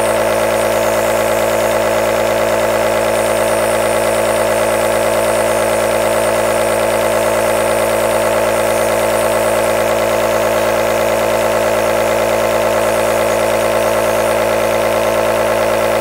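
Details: Aerosol compressor nebulizer running continuously: loud, steady buzzing drone of the motor, unchanging throughout.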